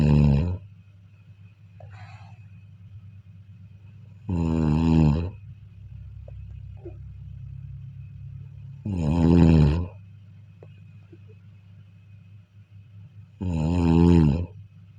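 Loud, deep voiced snores about every four to five seconds, roughly 13 a minute, with faint room hum between them: ordinary snoring.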